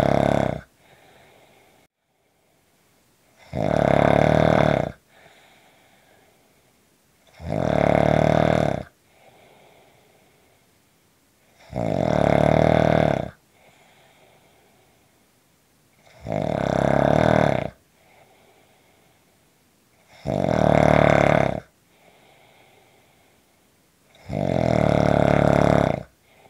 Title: Short snoring Audio